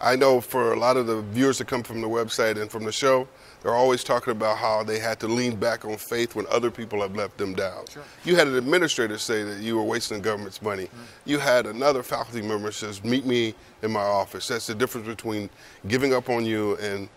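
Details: Adult male speaker in interview; normal conversational speech.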